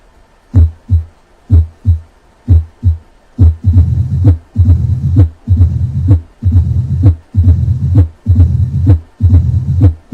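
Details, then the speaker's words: Mitral stenosis murmur at the cardiac apex, best heard with the stethoscope bell applied lightly; three normal beats, then a low-pitched rumbling diastolic murmur, easily missed; opening snap present but hard to hear. "this diastolic murmur is low pitched and rumbling in character and can be easily missed unless the clinician uses the the stethoscope applied lightly at the cardiac apex listened to a patient with mitral stenosis"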